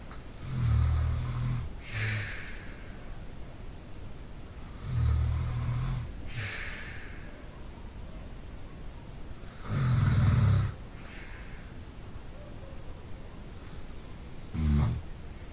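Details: An adult man fast asleep: loud low rumbling snores on breathing in, softer airy breaths out, about every 4 to 5 seconds, with the tail end of dog barking; ordinary snoring.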